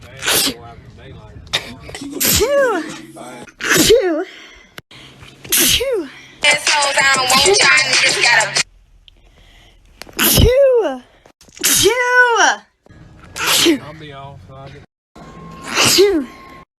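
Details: Sneeze compilation: about eight sharp, explosive sneezes, some with a voiced lead-in, separated by pauses, with a stretch of music in the middle.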